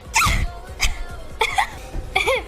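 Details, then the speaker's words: Four loud, explosive sneezes in quick succession from a streamer, each a sharp blast of air, followed by apologies in French. "éternué oui j'ai éternué vous avez entendu pardon excuse-moi pardon"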